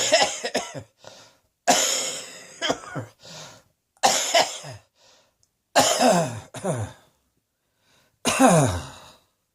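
Six harsh coughs, some in pairs, with quiet gaps between, in a small room.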